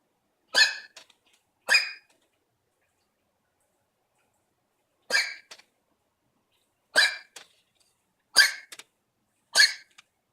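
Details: Dog coughing in the morning: six short, dry, hacking coughs in two clusters with quiet pauses; owner finds it cute and hopes it's nothing bad.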